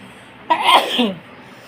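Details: A single short, sharp sneeze with a breathy onset in a quiet room.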